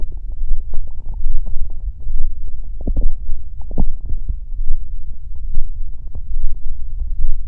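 Loud, low rumbling and gurgling with irregular bubbling pops, typical of stomach growling from gas and fluid moving through the gut.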